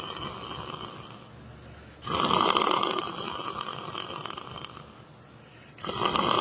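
Loud, rough, rattling breaths in drawn-out waves about two seconds long, separated by quieter pauses: snoring.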